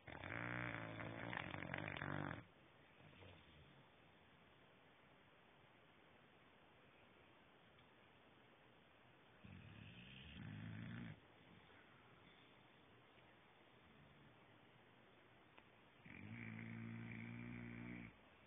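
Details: English bulldog snoring on a Thursday afternoon: loud rattling snores in long bursts, about three over eighteen seconds, with quiet breathing between; dog snoring.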